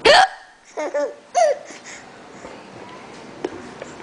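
A sharp hiccup, then brief voiced giggly sounds and another short hiccup-like catch, then quiet room noise.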